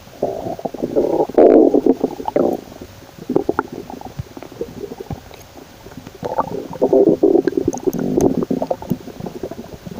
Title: scared about my owen stomach noises 😳😁💓